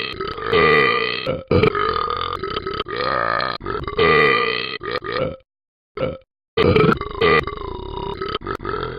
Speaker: I like to burp a lot.